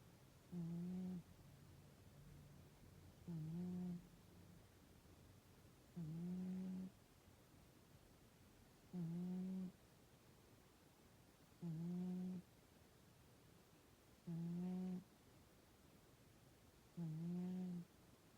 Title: My cat’s snore makes me sleepy!! #cat #snore #sleepingcat #cute #lol #animal #family